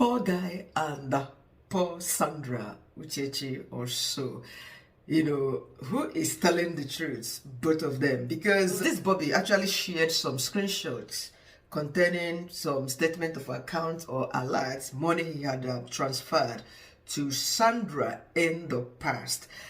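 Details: Adult speaker; normal speech.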